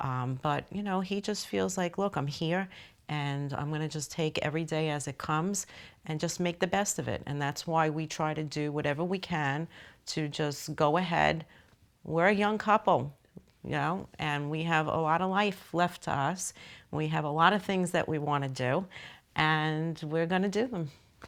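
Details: Adult woman speaking; no disorder.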